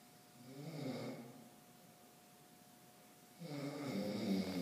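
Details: Person snoring in a campus group study room at night, with two low, rattling snores on inhaled breaths and a quiet pause between, over faint room hum; ordinary snoring.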